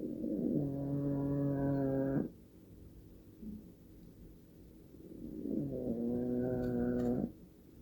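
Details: Very old cat snoring in a very deep sleep, audio only; she sometimes wakes herself up when she gets too loud.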